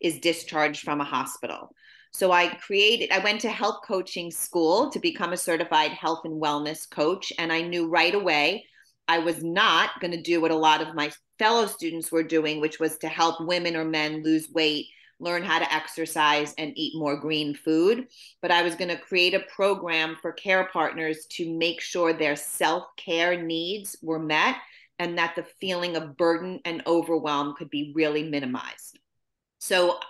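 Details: Adult woman; typical speech.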